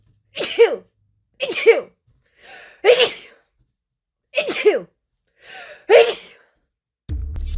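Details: Sneezing fit blamed on intense spring seasonal allergies with high pollen: six loud sneezes in quick succession, with brief music at the end.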